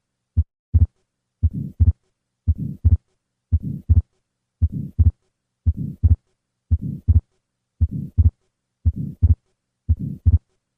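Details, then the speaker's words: Atrial septal defect heard best at the second left intercostal space, patient sitting up: three normal beats, then a fixed split second heart sound, then a grade 2–3 systolic pulmonic flow murmur from increased flow; the shunt itself is acoustically silent. "The opening between the atria that allows left to right shunning is acoustically silent. However, the increased flow across the pulmonic valve produces a grade two to three systolic murmur."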